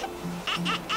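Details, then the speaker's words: Infant wind (gas) cry: three brief, strained cry bursts over a low hum, as the baby reflexively compresses the chest to push gases down. "o chorinho dos graves é um chorinho com som de é porque eles fazem um reflexo de comprimir a caixa toráxica e a eles empurram os gases para baixo e aí eles fazem esse chorinho aqui ó"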